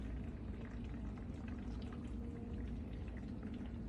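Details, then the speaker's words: Simulated patient secretions (water) suctioned through tubing into a suction canister during a canister setup and emptying demonstration: a steady gurgling rush of water drawn through the tubing. Suctioning of fluid. "Now we're going to show you how to empty it once it's full. So it's suctioning it through. See how it's suctioning? It's going through."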